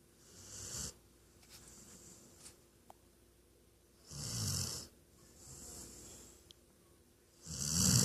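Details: Weimaraner dog napping; rough, rattling, loud snores alternating with softer out-breaths, about 18 breaths a minute, quiet room; snoring.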